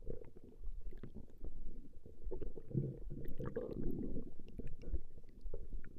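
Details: Female's stomach growling recorded over a 20-minute session: low, continuous gurgling and rumbling bowel sounds, ordinary borborygmi.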